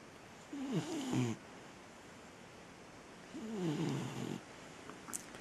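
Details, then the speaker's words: Golden retriever puppy snoring while falling asleep, recently recovered from an illness: two soft, fluttering nasal snores with a squeaky whistling edge; light snoring. "Right now he's falling asleep in there, so I think in a minute I'll take him upstairs and he can fall asleep on my bed, and then I can get some work done. But as you can hear, sometimes he snores."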